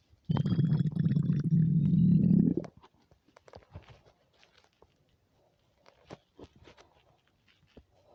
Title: empty stomach rumbles without mic